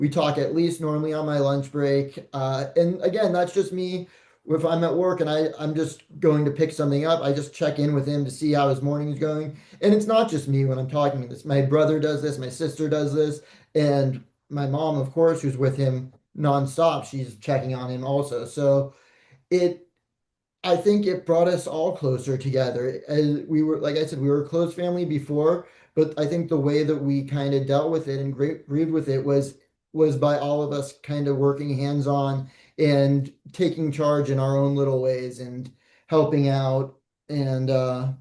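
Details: Adult man; normal speech.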